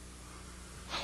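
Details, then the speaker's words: Obstructive sleep apnea: near-silence as the collapsed airway blocks airflow, then a sudden loud resuscitative snorting gasp as partial awakening reopens the airway; resuscitative snort. "that partial Awakening tightens the tissues enough to allow a passage of air and there is often a loud resuscitative snort as you gasp for"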